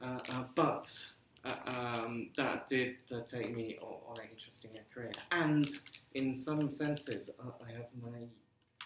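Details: Stammering in an adult male computing lecturer living with a speech and language disability, who says he has been "breaking up" on the phone for 30 years.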